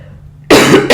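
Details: Adult still recovering from mild COVID-19 (symptoms began about 20 days earlier, two vaccine doses), with a lingering cough, heavy sweating and a strange voice, coughing while talking during a recording: post-COVID cough.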